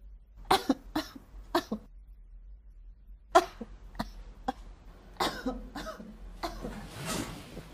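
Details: Simulated cough: an actress performs exaggerated, theatrical coughs in short bursts with pauses between groups, acted for a cough-medicine commercial.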